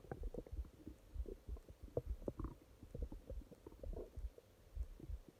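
Low irregular gurgling and rumbling from the belly with brief bubbly squeaks, typical stomach growling from gas and fluid moving through the gut.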